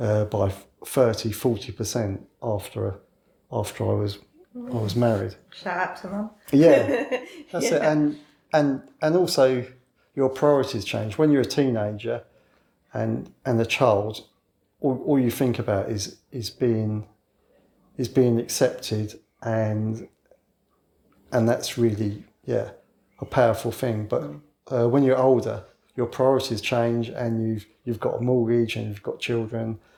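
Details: 61-year-old man with a lifelong stammer since childhood, now largely covert and hidden so overt disfluency may be infrequent; stuttering (stammering)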